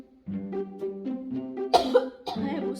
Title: Sampe jadi batuk batuk gini 😯